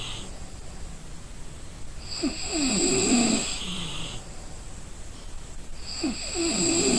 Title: Suara orang tidur ngorok kelelahan||The sound of someone sleeping snoring